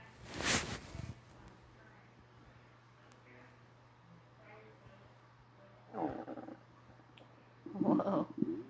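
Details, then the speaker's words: Adult's stomach recorded after a breakfast of pancake, Rice Krispies, orange juice and milk, shirt covering the abdomen: a few rumbles; borborygmi. "there it goes. Had a few rumbles of my stomach. Sure enjoying my breakfast."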